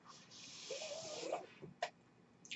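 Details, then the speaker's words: Breathing sound of the speaker's own mechanical ventilator during speech: a steady airy hiss of about a second with a faint whistling tone, then a sharp click, one breath cycle. "Hello everyone, my name is. That noise you're hearing is my ventilator."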